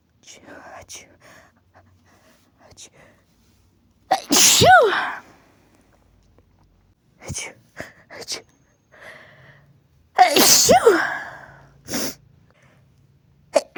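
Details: Female making "achoo" build-ups: two loud sneezes, each preceded by a quick in-breath and a rising 'ah', with soft breathy build-up sounds between; sneezing.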